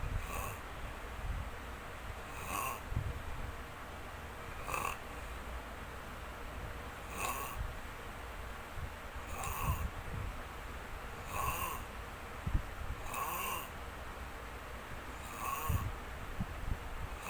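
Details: Snoring: steady, regular snoring with a short snorting rasp on each breath, about 27 breaths a minute, over low background hum.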